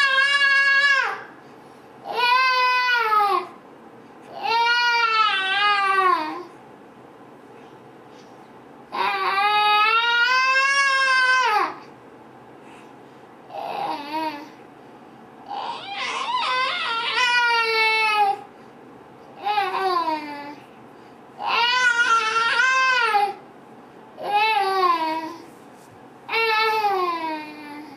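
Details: Child completely asleep with eyes closed, long-standing sleep moaning (catathrenia): repeated high, whining moans in short bursts between quiet pauses, sometimes loud enough to wake her.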